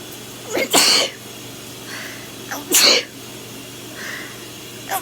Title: Before shower sneezes